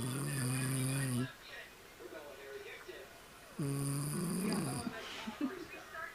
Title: snoring!